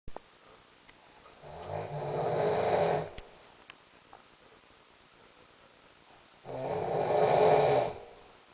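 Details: Sleeping: two long, low, rattling inspiratory snores, likened to Darth Vader with a head cold, separated by quiet breathing: snoring.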